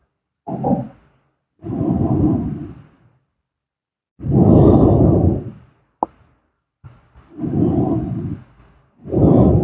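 Slow, regular rough breathing noises with quiet gaps between them, about six breaths a minute; snoring during sleep.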